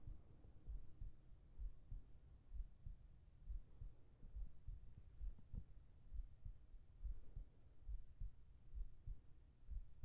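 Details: ASMR heartbeat recording for sleep, with whispered voice: soft, steady low thumps at about 66 beats a minute, muffled under a faint hum; normal heartbeat.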